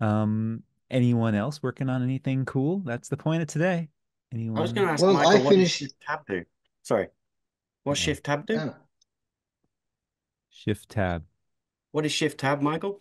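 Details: Adult male speakers in casual online conversation; ordinary conversational speech.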